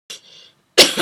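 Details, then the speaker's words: An adult vlogger with ongoing coughing fits gives two short, harsh coughs, the second louder, with a soft breathy pause between them. "just a very short video I'm just having coughing fits so I don't know how long before us that coffee again"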